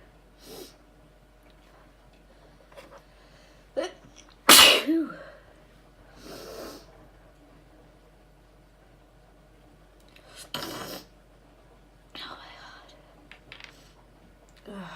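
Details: Recorded after sneezing about 20 times beforehand: one loud, sharp sneeze among softer sniffs and breaths in a quiet room; sneezing.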